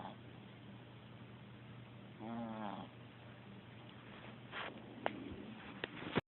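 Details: Cat snoring in sleep: a single short, droning, buzzy snore over steady room hiss, then soft rustles.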